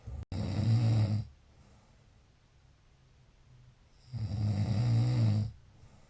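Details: Two long, deep, rumbling snores on breathing in, separated by a quiet pause of nearly three seconds; snoring.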